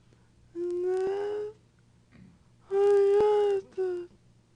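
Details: Female patient attempting to speak during a neurologic exam, with dystonic dysarthria; the dystonia also causes swallowing difficulty.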